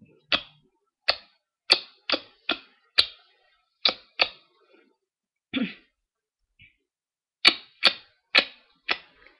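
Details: Vocal tic (throat clicking) in a tic disorder; the repeated throat clicking is the worst tic, began about 2 months ago and occurs whenever it is really quiet.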